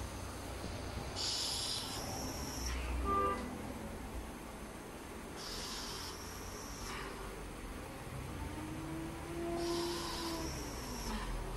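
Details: Mechanical ventilator cycling in a pulmonary setting: regular hissing air bursts with soft clicks, about 14 breaths a minute.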